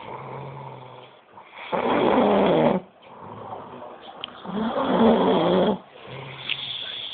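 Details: Loud, rough snores on each breath in, about 20 breaths a minute, with quieter breaths out between: loud snoring.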